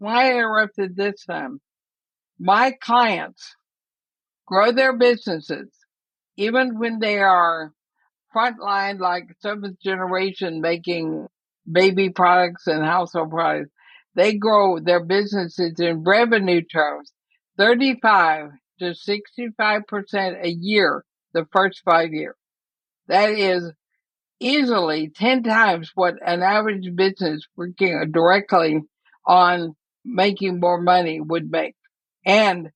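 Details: Woman about 80 diagnosed with ALS (Lou Gehrig's disease), which also affects her breathing; she reports quite a bit of speech trouble but feels still intelligible; dysarthria (ALS).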